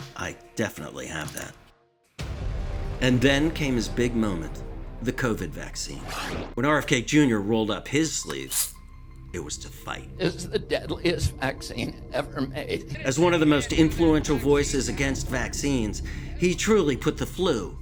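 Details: Adult male speakers, narration; ordinary speech.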